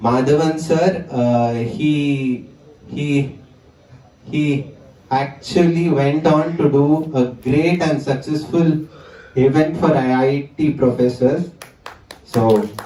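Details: 20-year-old male stammerer, a stammering self-help group member, whose stammering returned with great intensity after the pandemic lockdown; this stretch contains a phrase repetition; stuttering.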